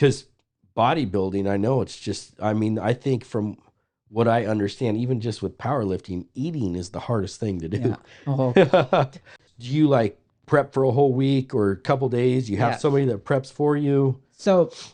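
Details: Adult male speaker; normal speech.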